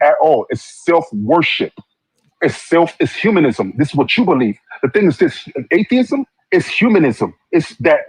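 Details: Adult male speaker; typical speech.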